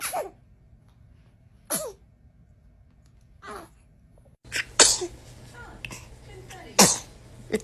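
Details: Several short, high-pitched sneezes from a baby, with soft breaths and faint background sounds between them.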